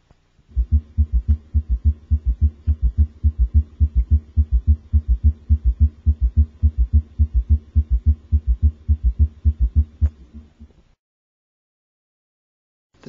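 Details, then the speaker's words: Summation gallop: fast, regular low heart sounds with an extra mid-diastolic thud as S3 and S4 merge; typical of infants' rapid rates, pathologic in children, often associated with heart failure. "in children the summation Gallop is a pathologic finding frequently associated with heart failure"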